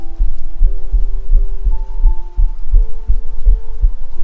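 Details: Self-recorded heartbeat using a 3Dio binaural microphone: steady low thumps at about 85 beats a minute, with soft sustained musical tones in the background; a normal heartbeat.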